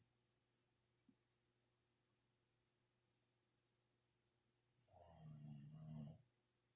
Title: Snoring Molly Dog